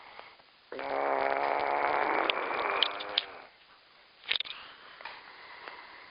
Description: shows everyone how to snore like a champion